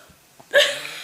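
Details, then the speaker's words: Hiccups in a girl: a single sudden, loud hiccup with a sharp voiced gulp after soft sounds; she says her hiccups make a funny noise. "oh they're still there dude you don't like my hiccups they have a funny noise"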